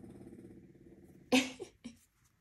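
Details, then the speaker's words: A French bulldog snoring in a quiet room: low, fluttering rattle followed by two sharp snorts. "vous allez entendre un petit asmr de ronflement de bouledogue français là c'est cadeau"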